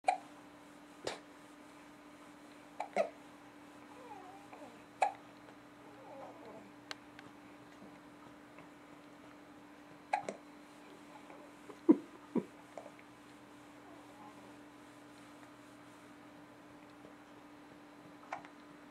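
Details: An infant having a bout of hiccups, getting sleepy: soft, quick hiccups at irregular intervals, about eight in nineteen seconds, with faint grunts and a steady room hum.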